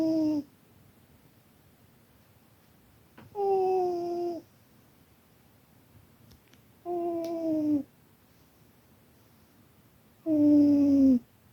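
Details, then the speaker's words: Cat napping and snoring loudly with tonal, whistly bursts about 18 times a minute, then briefly woken. "you okay you're snoring so loud didn't mean to wake you go back to bed I'm sorry you're so cute you tired you're snoring so loud"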